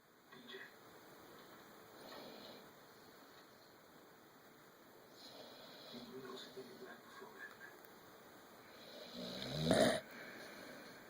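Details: Snoring from a sleeping pitbull.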